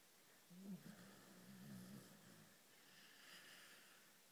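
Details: Snoring from a sleeping Greyhound, said to snore like a human: one soft, low, fluttering breath in a quiet room.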